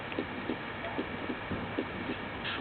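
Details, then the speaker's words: Simulated severe aortic stenosis heard at the aortic area on a SAM simulator: a harsh systolic murmur lasting throughout systole, peaking late and ending at S2. "simultaneously you are hearing this sound as heard at the aortic area note that the murmur is throughout systole with late peaking ending at s2"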